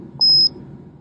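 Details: A single short, high-pitched electronic beep from a Microdot Pro glucometer as its power button is held two to three seconds to enter settings and turn off control solution mode.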